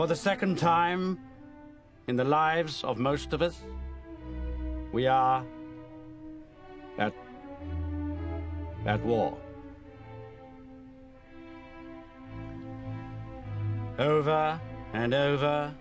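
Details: Acted portrayal of an adult male with a stammer, shown delivering a wartime radio speech; stuttering.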